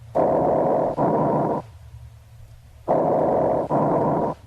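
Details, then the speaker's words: Teaching example from a thorax and lung examination video: bronchial breath sounds, with expiration lasting longer than inspiration and a possible silent gap between the two sounds. "the expiratory sound lasts longer than the inspiratory sound and a silent Gap May separate these two sounds"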